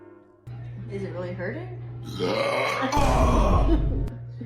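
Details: Long, deep, rumbling belch over loud background music after a Sprite challenge; prolonged burp.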